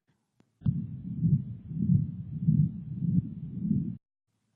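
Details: Continuous machine-like murmur (patent ductus arteriosus).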